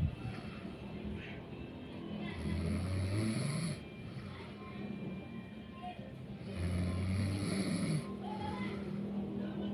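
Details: A tired person asleep: low rumbling snores in long swells over background noise; snoring from exhaustion.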